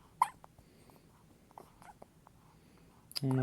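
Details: Infant's first hiccups, recorded 8-3-16: a sharp, brief hiccup catch, then soft breathing and small sounds in a quiet room, ending in a voice; infant hiccups.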